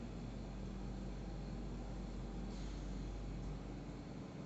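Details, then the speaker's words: ZY-5AW oxygen concentrator just switched on, humidifier bottle attached: steady low mechanical hum and rumble of the running machine. "Now we should press the on key here, and then you will hear the machine running."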